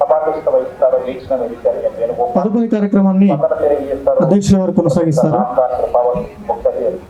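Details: Adult speaker, announcer at public event; Normal speech.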